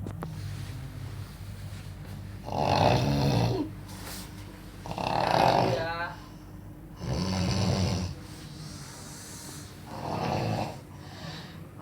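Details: A friend sleeping gives four loud, rough snoring breaths over about 12 seconds (roughly 20 a minute), with quiet gaps and faint room noise, while a woman's crying is also recorded; snoring.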